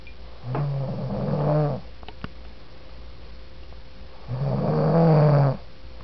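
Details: Snoring from a woman who walked into a room and passed out asleep: two long, low, rattling snores on inspiration, about four seconds apart, with quiet room noise between.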